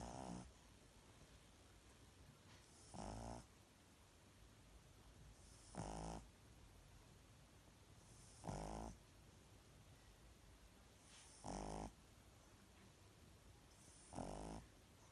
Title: Baby Casper the pug snoring